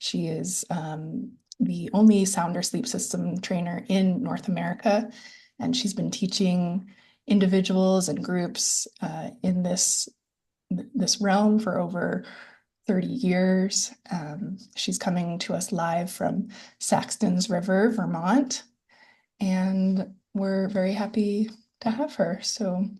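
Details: Adult woman speaking; Normal speaking voice.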